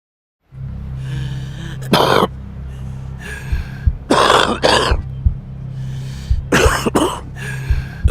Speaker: cough is not just a sign you're damaging your lungs a smoker's cough is a sign you're damaging your whole body quit smoking today